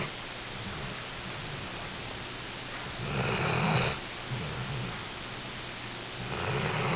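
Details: Soft, rough breathing noises with louder snoring breaths over steady room hum from someone taking a nap; snoring.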